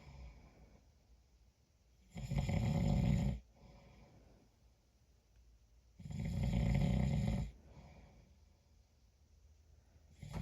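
Two long, loud, rattling snores about four seconds apart, roughly 15 a minute, with quiet breathing between them. This is ordinary snoring.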